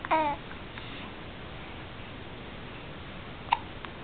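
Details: A baby's brief vocal sound, then a single sharp hiccup over quiet room noise; hiccups.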